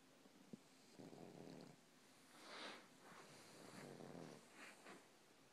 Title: The snoring English Bulldog